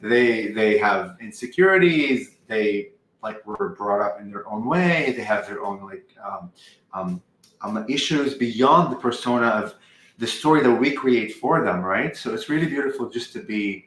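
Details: 44-year-old man who has stuttered all his life, since at least age five, with a family history on his father's side; uses "um" and "like" to transition, and sometimes words don't come out; stuttering.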